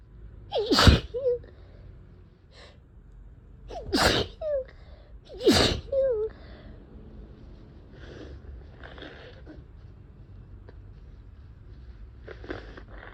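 Three wet, forceful sneezes with a sharp intake before each, then softer sniffing and nose-blowing sounds; sneezing from a head cold.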